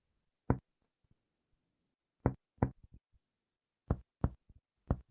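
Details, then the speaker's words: Percussion along the left midaxillary line with the patient in right lateral decubitus, starting high: resonant lung note over the lower ribs changing to splenic dullness, finger-percussion taps in a quiet room. "La percusión sigue la línea medioaxilar. Comenzamos bien arriba y escuchamos la sonoridad pulmonar."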